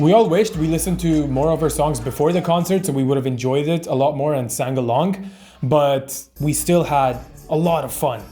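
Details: Adult speaker; ordinary speech.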